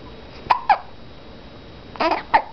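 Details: Four short, abrupt voiced catches in about two seconds, each a sudden gulping 'hic' sound; hiccups.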